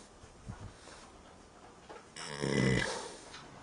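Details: Loud, rumbling snore rising after quieter breathing from a horse sleeping in a barn, faint room noise; the horse later wakes and a woman laughs: horse snoring.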